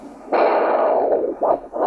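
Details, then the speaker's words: Augmented venous Doppler signal: squeezing the foot produces a roar of venous return past a handheld Doppler probe at the posterior tibial site, during an ankle-brachial index exam. "I'm going to squeeze the foot and you'll hear the venous return moving past that Doppler transducer"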